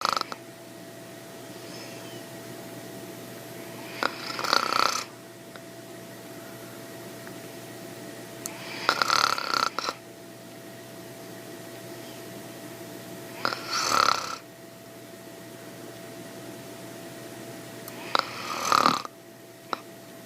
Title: snoring😂😂 #funnyvideo #funny #fypシ #fypシ゚viral #millionviews